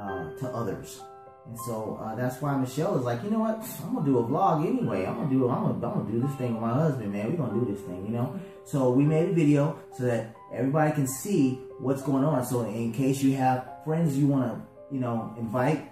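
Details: Adult man speaking; ordinary speech.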